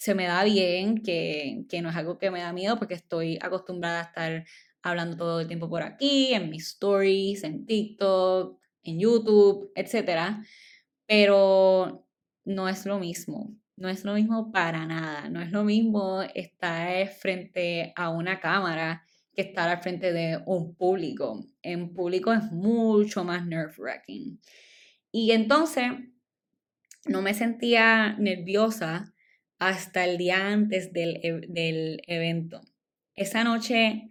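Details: Adult woman speaking Spanish, stuttering since childhood; she says it shows less when recording alone and is stronger in Spanish than in English; stuttering.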